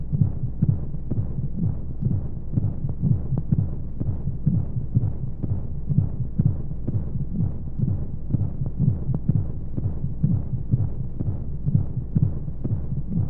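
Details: Simulated womb sound used as a baby sleep aid: steady, muffled whooshing heartbeat at about 125 beats a minute under a constant rushing white-noise hum; heartbeat as heard in the womb.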